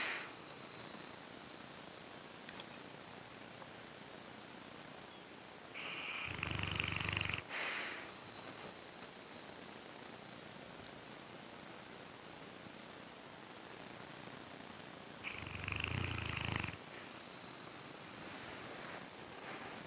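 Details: Snoring: two rough, snorting breath sounds about nine seconds apart over a steady hiss.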